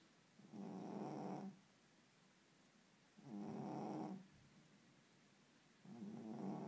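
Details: Female cat (Puss) sleeping and snoring on her birthday, with background music.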